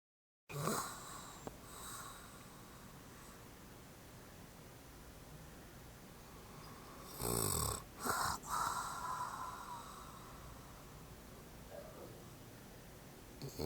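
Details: Snoring from a sleeping mother: a few short snorting snore bursts over steady room noise.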